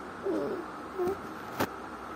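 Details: A 1-year-2-month-old baby boy with bilateral vocal cord paralysis: brief high-pitched, crowing inspiratory stridor with a musical quality, followed by a short click.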